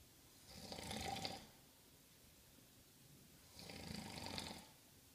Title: Snoring